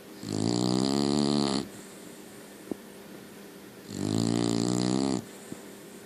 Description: My special puppy snores like a drunk old man